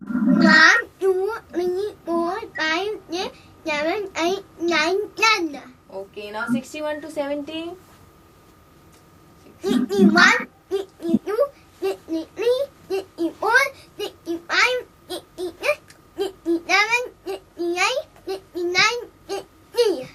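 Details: Boy with cleft lip and palate whose stops and even /s/ are replaced by glottal stops; glottal stop substitutions in cleft palate speech.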